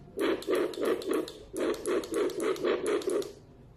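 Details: Two quick runs of short, buzzy tones from the built-in speaker of a handheld fetal Doppler with 2.0 MHz probe, in a device operation demonstration, with no clear heartbeat.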